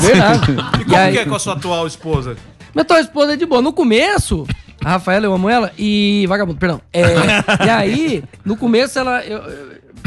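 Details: Adult man with Tourette syndrome since childhood, from an evangelical family; vocal tics possibly present in his speech.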